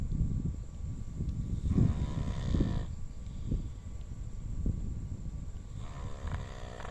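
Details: Dog snoring loudly in sleep: low, rumbling snores, two long rattling breaths standing out over steady low background noise.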